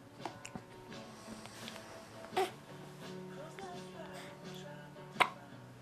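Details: Hiccups: two sudden, sharp hiccup sounds a few seconds apart, with background music and some speech.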